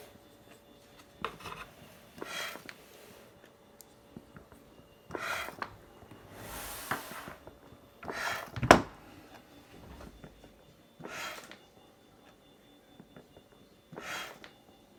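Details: Homemade mechanical ventilator running for 60 hours straight, the last 10 on a power pack, cycling steadily with a rushing air puff about every three seconds, about 20 cycles a minute.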